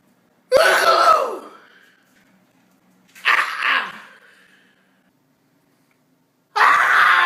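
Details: Elderly woman who sneezes several times a day: dramatic, almost scream-like sneeze; sneeze.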